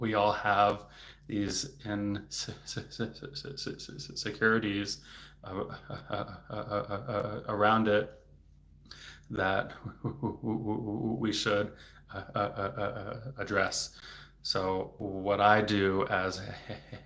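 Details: Stuttering in an adult male speech-language pathologist who stutters, speaking spontaneously in a livestream, with word repetitions.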